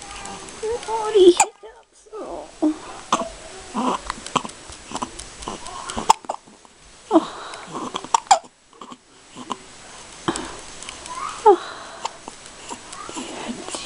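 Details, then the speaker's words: Newborn baby boy, 5 days old, awake with hiccups after a big feed: short, sharp hiccup sounds, some with little squeaks, between soft vocal noises. "you're 5 days old today and you have the hiccups and it's so cute wide awake he had a big feed say hi everybody what's this he say hi naughty hiccups"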